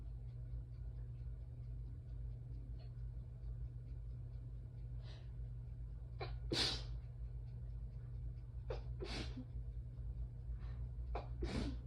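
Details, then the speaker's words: Several sneezes in a row from a woman during an allergy attack, some short and incomplete because she has trouble breathing deeply and may need her inhaler, with breathy intakes between, over room hum; sneezing. "But when I can't take a deep breath all the way, I'm gonna sneeze. Like it's harder to sneeze all the"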